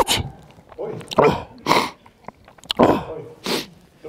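A rapid series of about four short, sharp sneezes, deliberately faked as a prank.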